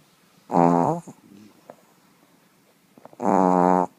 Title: Yorkies snoring